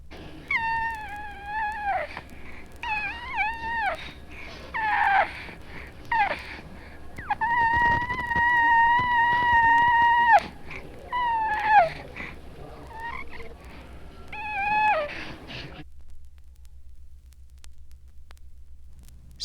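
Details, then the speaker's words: High-pitched, thin, mewing kitten-like cry of an infant with cri du chat syndrome (chromosome 5 anomaly), who has severe mental and motor retardation, microcephaly, a rounded face and hypertelorism. "The creda or cat cry syndrome due to a fifth chromosome anomaly. is characterized by severe mental and motor retardation, microeille, rounded faces, and hyperturiorism. This is the typical cat-like cry."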